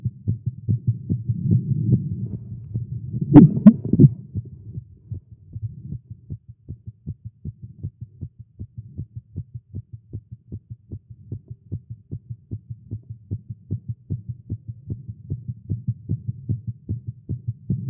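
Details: Male, exercising with caffeine; tagged irregular heartbeat. A brief handling noise, then a rapid, steady thumping heartbeat: a fast heart rate.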